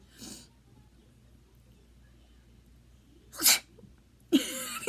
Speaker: can I fake sneeze okay good one let's see how is that all right again mm-hmm that was a terrible one